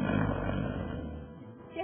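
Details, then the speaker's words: Loud, low, rough snore that fades out, in a Spanish-language news report on snoring, linked to obstructive sleep apnea, where snorers wake suddenly and startle their bed partner. "si la persona que ronca se despierta repentinamente si esos ronquidos molestan y hasta asustan al que duerme al lado"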